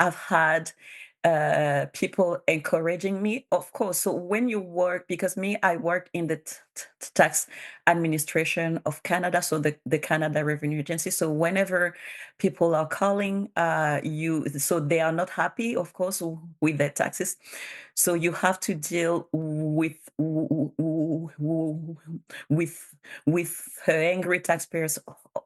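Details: Real adult bilingual woman, a public servant in Canada, with stuttering she has self-declared as a disability; stuttering.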